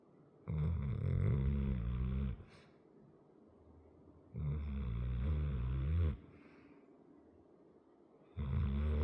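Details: A 100 lb muscular dog with a chronic crusty-nose condition snores while asleep: loud, low, rattling snores on each breath, about two every nine seconds, with quiet pauses between them.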